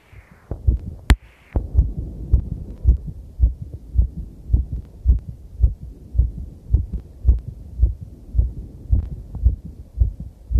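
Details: Own heartbeat recorded with a body-worn mic around a cycle ride over challenging terrain. Steady low thumps at about 109 beats a minute, a quickened heartbeat after exercise, with heavy noise, clipping and rubbing; any skipped beats are drowned out.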